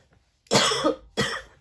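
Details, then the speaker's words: Coughing fit in an adult who says they are ill. "je suis désolé je suis malade c'est horrible bon écoutez j'ai une quinte de toux"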